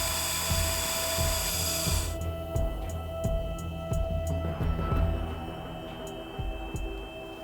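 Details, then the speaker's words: Short whirring drill bursts with clicks over music as a plate and screws fix a realigned wrist after bone cutting in a dog with severe forelimb deformity and fragile bone: surgical drill. "Noel carefully cuts the bone, enabling him to reposition the wrist. He rotates the paw [music] back and fixes it using a plate and screws."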